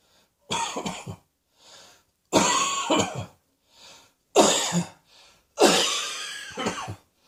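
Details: Coughing: four separate bouts of harsh, throat-clearing coughs, each made of two or three quick bursts, with quiet breaths between them.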